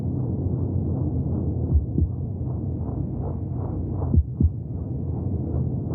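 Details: Steady low whooshing throb with rapid pulsing and a few louder thumps: fetal heartbeat heard from inside the womb.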